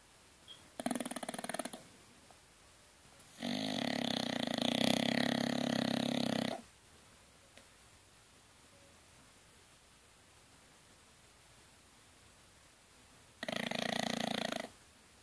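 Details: Sleeping bulldog: three loud, rough, rattling breath sounds separated by quiet pauses; snoring.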